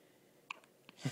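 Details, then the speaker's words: A child, sitting with the recorder, with hiccups: two brief, sharp catching sounds about half a second apart in a quiet room; hiccups. "Someone's got the hiccups."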